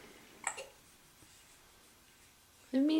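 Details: Infant girl with hiccups: one abrupt, sharp hiccup, then a brief voiced baby sound a couple of seconds later.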